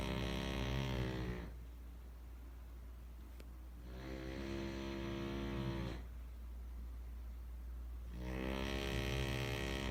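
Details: Snoring during sleep: loud, rattling snores on each breath in, about 18 breaths a minute, with a steady low hum in the background.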